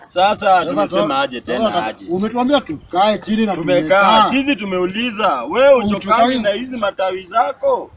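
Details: Adult speaker; Fluent conversational speech.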